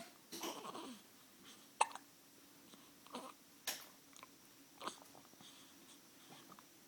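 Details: Baby: several brief, sharp catches spaced a second or more apart in a quiet room; hiccups.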